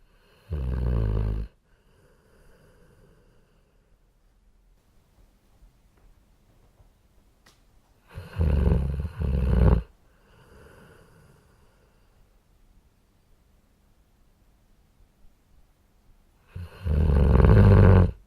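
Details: Three loud, low, rattling snores spaced several seconds apart, with quiet breathing between them in a still room; snoring.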